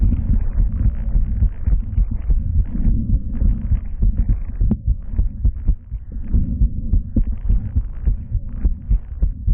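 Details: Live stethoscope auscultation: muffled, rhythmic low heartbeat thumps with rubbing and handling noise over them; heart sounds, heard before the bell and diaphragm were used together.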